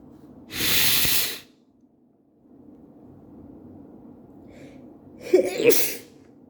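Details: Sneeze attack while still sick: two sudden hissing bursts of air, the second with a voiced catch at its start, a pair of sneezes.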